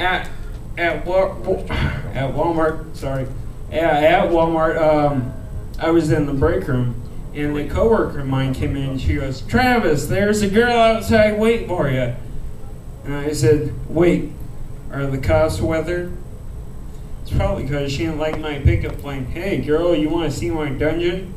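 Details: Adult male comedian with a rare disease he calls cerebral ataxia, which he says slows his speech; ataxic dysarthria.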